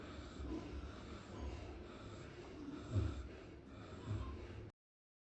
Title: Pigs taking a nap after a good meal snoring like human beings.